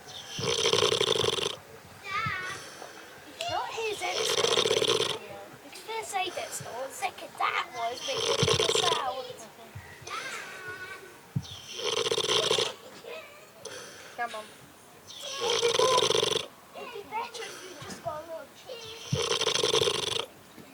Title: Snoring sleeping pig